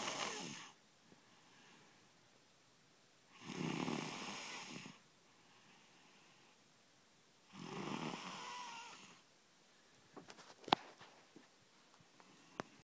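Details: Three rough, rasping inspiratory snores with quiet pauses, about 15 breaths a minute, soft clicks at the end.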